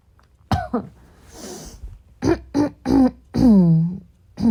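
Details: Several harsh coughs and throat clearing in a row, with a breath in the middle, ending in a strained voiced clearing sound; coughing fit clearing the chest.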